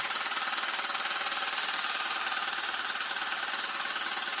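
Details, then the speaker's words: Loud rapid evenly spaced clacking, about 160 pulses a minute, from a handheld at-home low-intensity shockwave device applied to an adult man's penis for erectile function; he reports no pain. "So I have no pain on my penis right now, but I can't feel anything. All you guys can do is just hear how loud it is. But no pain at all."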